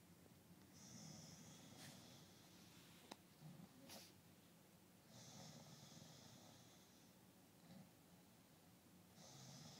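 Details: Man sleeping, his partner recording: quiet snoring with soft hissing, whistling breaths every few seconds and a few brief snorts and clicks.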